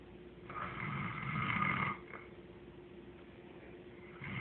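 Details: One loud, rattling snore on the in-breath, followed by a quieter out-breath; ordinary snoring.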